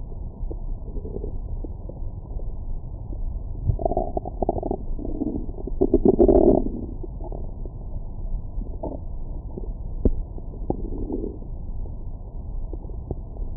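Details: Bowel sounds recorded with a Stemoscope stethoscope microphone on the belly after a large meal: muffled gurgles and rumbling over a steady low hiss, ordinary stomach growling.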